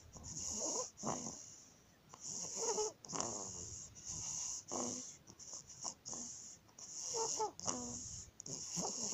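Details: 19-day-old baby with laryngomalacia: rapid breathing with repeated squeaky, crowing inspiratory stridor on breaths in.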